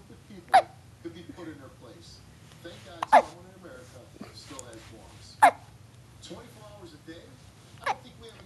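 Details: Child in a bouncy seat with hiccups: four abrupt hiccups about every two and a half seconds, with quiet voices and room noise between them.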